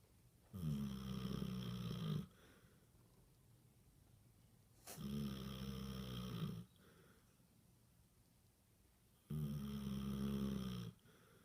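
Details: Basset hound snoring while asleep, apparently dreaming: three loud, low, rattling in-breath snores, each one to two seconds, at about 14 breaths a minute.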